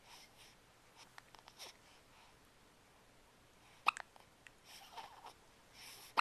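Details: Recorded with a Flip Video camera: a quiet room with soft breathing and a couple of brief, sharp hiccup sounds; hiccups.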